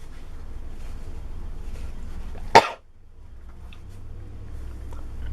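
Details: A single abrupt, forceful cough or hawk clearing phlegm from the throat, over steady background hum; adult with a cold, cough and sore throat, no fever, during recovery after salt-water gargling.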